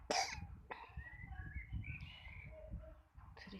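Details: A sharp cough, then quieter throaty sounds and a second short cough over low room rumble; an older sibling child coughing with a cough and flu.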